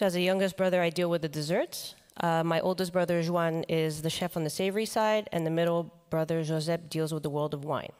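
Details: Man with the neurological disease dystonia, which in his case impairs control of his neck movements and can affect other body parts; he says he has no real tone of voice, which is why he speaks the way he does: voice affected by dystonia.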